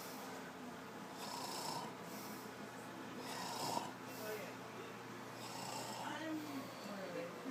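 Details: Snoring: faint, breathy snoring sounds over a steady room hum, repeating irregularly every couple of seconds.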